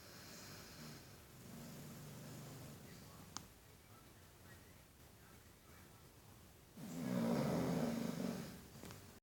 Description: Chow chow sleeping and snoring